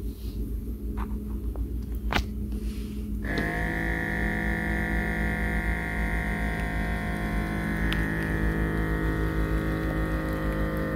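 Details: A button click, then the steady whirring hum of a small pump inflating a wrist cuff on a home automatic blood pressure monitor; the user has recently felt dizzy, and the reading came out high against her usual 100/80.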